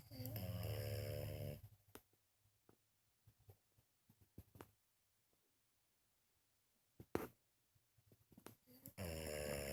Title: French bulldog creepy sleeping snoring and farting